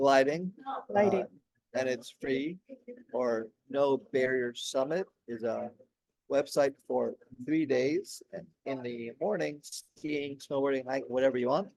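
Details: Aphasia in an adult man, 16 years after a stroke during heart valve surgery; at first he could say only one word for about a year, and word-finding difficulty persists.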